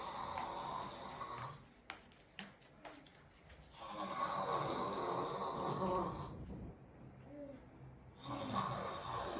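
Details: Adult husband snoring, described as snoring like a pig, followed by a snort; he then denies being asleep.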